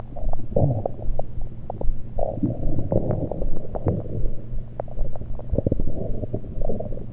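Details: Abdomen recorded with a USB electronic stethoscope, not during digestion, only liquids taken beforehand: low rumbling with scattered short gurgles and bubbling pops over a steady hum; ordinary bowel gurgles.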